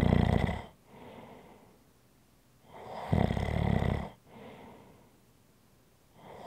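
Rhythmic rough rattling snores on each breath, about 17 breaths a minute, with quieter breathing between. This is snoring.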